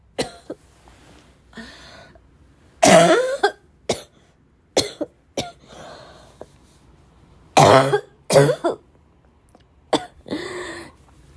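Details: Repeated harsh, barking cough with throat clearing and choking, some coughs in quick pairs, strained breaths between, about a dozen bursts.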